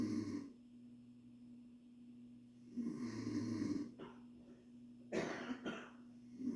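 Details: Adult woman (mother) snoring at 1 a.m.: low, rough snoring breaths over a steady background hum, ending in a few short snorts; snoring.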